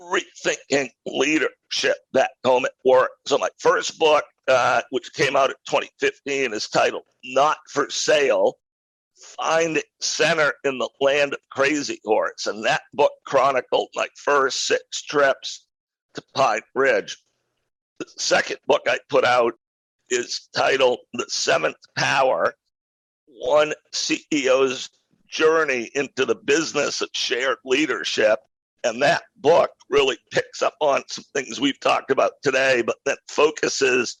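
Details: Adult male with a rare neurological voice disorder acquired in 2012 that made speaking difficult, still audible in his speech today: neurological voice disorder.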